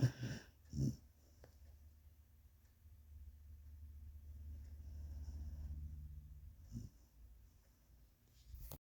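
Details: Dog (Sadie) snoring as loud as grown men: low rumbling snores with one long drawn-out breath midway, quiet room.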